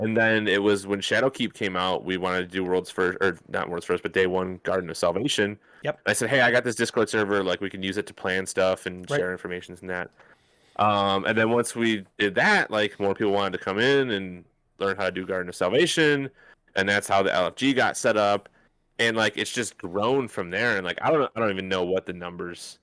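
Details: Adult male speaker; normal speech.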